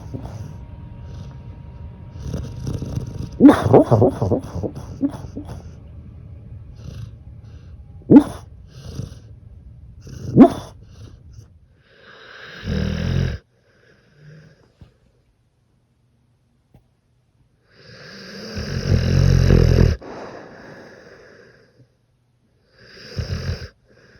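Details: Sleeping dog named Miss Piggy gives a few low, rattling snores separated by quiet pauses, with some earlier background noise.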